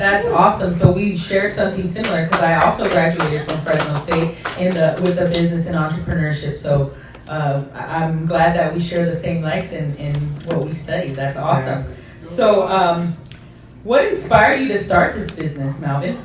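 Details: Adult speaker; ordinary speech.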